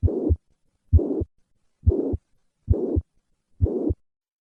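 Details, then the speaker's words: Mitral regurgitation holosystolic murmur of constant intensity, heard best at the cardiac apex: heart sounds at about 65 beats per minute, with a steady murmur filling systole. "in summary mitral regurgitation presents with a holosystolic murmur of constant intensity which is heard best at the cardiac apex"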